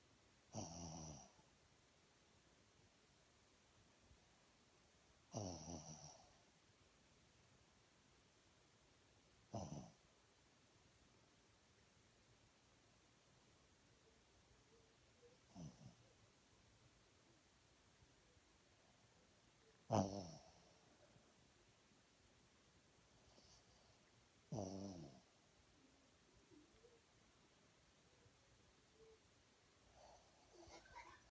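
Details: A sleeping dog snores with low, rattling bursts about every four to five seconds, roughly 13 a minute; snoring.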